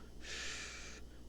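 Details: Imitated crackles (rales) from excess airway secretions, demonstrated in a teaching lecture on auscultation.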